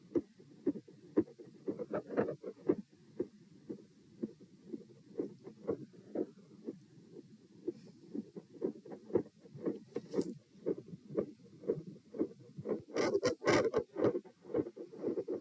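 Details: Heart sounds recorded at position P, rate 120 bpm: tachycardia with S1 and S2 swinging from loud to very faint, with very quiet periods and extreme intensity variation.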